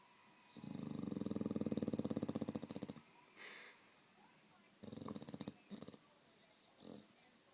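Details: Snoring of a sleeping Staffordshire bull terrier on a bed, twitching in her sleep: a long, fluttering, rattly breath followed by shorter snorty bursts with quiet gaps.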